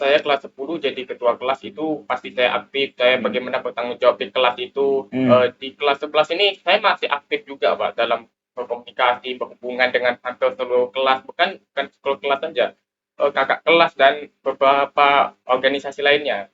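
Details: Male grade 11 high school student who says he is 'cadel', unable to pronounce R properly, which makes communicating harder; the interviewer confirms it is audible; rhotacism (R sound errors).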